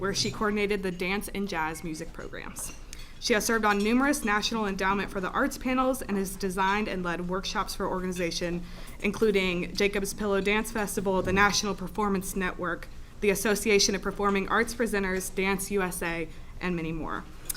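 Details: Adult woman speaking; normal speech.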